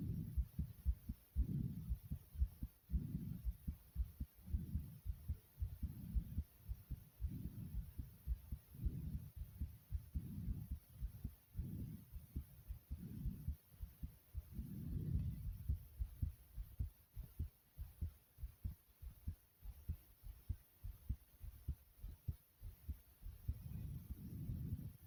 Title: Heart Beating And Breathing Sounds